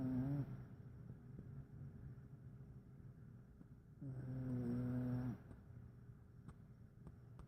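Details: A cat snoring.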